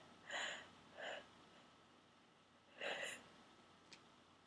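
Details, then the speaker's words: Three short, forceful sneezes in quick succession in a quiet room, part of a run of 16-17 sneezes deliberately induced with a plastic garment tag holder; eyes streaming as if crying, nose raw and stuffy; repeated induced sneezing. "Ow. Sneezing so hard I'm literally crying."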